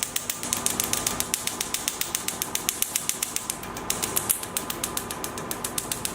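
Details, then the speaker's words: Picosecond laser carbon peel with the 1320 nm probe on the face of a patient lying down: a foot pedal fires the laser, with the handpiece perpendicular to the skin and about 2 cm away. It gives a rapid, even train of sharp snapping clicks, about 220 a minute. "Tread the foot pedal to start the operation. Blasts the carbon gel at an even rate."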